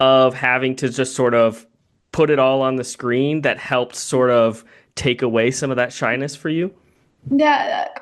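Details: Adult male speaker; typical speech.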